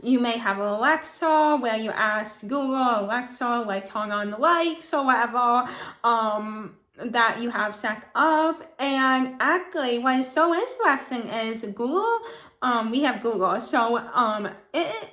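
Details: Adult woman with cerebral palsy and a lifelong speech impediment. Words are hard for her to pronounce, family and new people sometimes do not understand her, and she had many years of speech therapy growing up: dysarthria (cerebral palsy).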